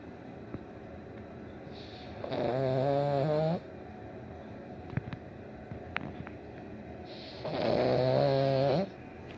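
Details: Snoring in sleep: two long, loud, buzzing tonal snores on inhalation about five seconds apart, with quiet breathing between them.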